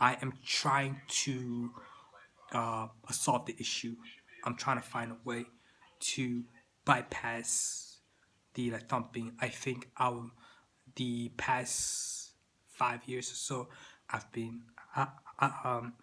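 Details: Adult man with persistent stuttering that continues into adulthood.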